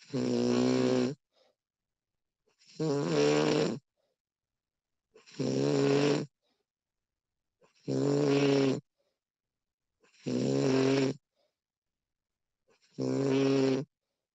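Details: Female snoring during sleep, professionally recorded: loud, regular snores with a rough, buzzing tone, about six in fourteen seconds, roughly 23 breaths a minute.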